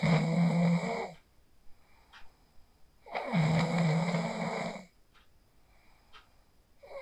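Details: Person sleeping after practising the 4-7-8 breathing technique (inhale 4, hold 7, exhale 8), recorded on a phone: two long, loud rattling snores on breathing in, quiet breathing out between, about 18 breaths a minute.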